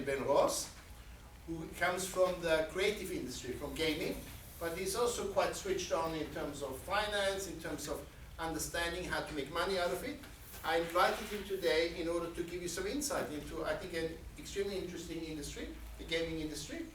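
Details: Adult male speaker; normal voice.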